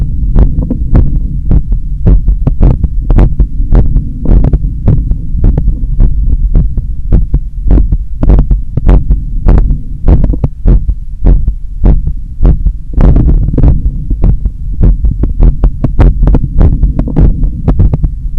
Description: Strong and visible carotid pulse after a long run in the summer heat. Heart sounds recorded from the chest, at the apex.